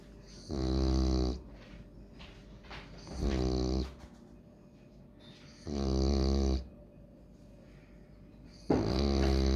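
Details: French Bulldog snoring during sleep, likened to a grandpa's snore.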